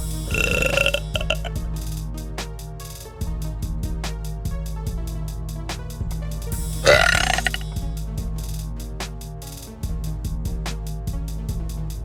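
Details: Woman burping voluntarily in her car: two long, loud, gurgling belches over background music with a beat.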